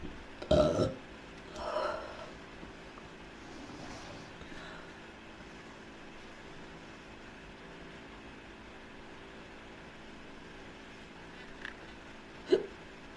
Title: Girl Burps and Hiccups Uncontrollably